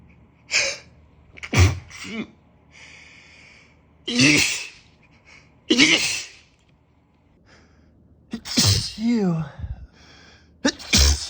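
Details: About six forceful sneezes from a male on a rough allergy day, each a sharp explosive burst, some preceded by a quick in-breath; repeated allergic sneezing.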